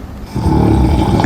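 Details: Boyfriend snoring in sleep: a single low, rumbling snore that builds up from a quiet start.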